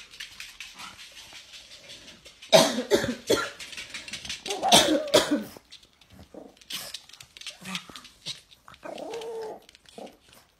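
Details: Adult owner gives several harsh bursts of coughing while a pug responds with short barks and whines, seemingly disliking it; cough.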